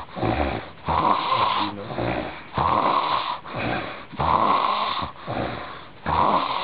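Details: Heavy snoring: loud, rattling snores with inhaled and exhaled phases, about eight noisy breath sounds in under seven seconds.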